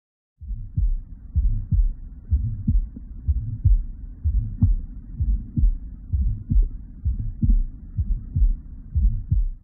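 Regular heartbeat about 62 a minute with a rough, harsh murmur filling the gap after each first sound.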